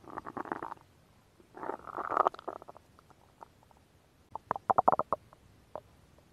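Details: Bubbling, gurgling bursts and rapid popping of a woman's stomach growling, recorded up close; ordinary bowel sounds (borborygmi).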